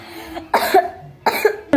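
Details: A child gives a short run of about three dry, abrupt coughs in a small quiet room, after sneezing earlier.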